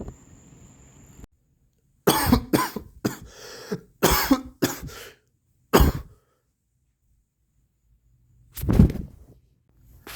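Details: Adult with a raspy voice who was not feeling well, near the end of an 18.5-mile bike ride, gives about eight short, harsh coughs in clusters, then a final cough after a pause: cough.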